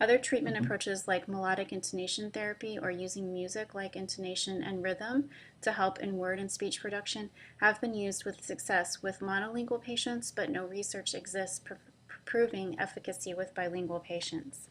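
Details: Adult female speaker; normal speech.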